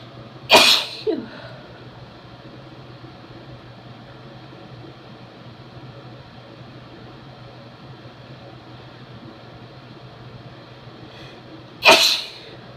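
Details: Woman with a head cold sneezing: two strong, explosive, wet-sounding sneezes about eleven seconds apart over steady room hum.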